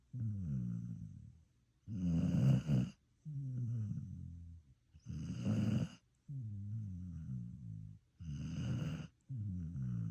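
Loud, rhythmic rattling snores alternating between in-breaths and out-breaths, about 10 breaths a minute; dog snoring.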